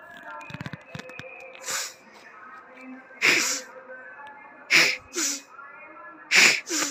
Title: Sneezing after Jal Neti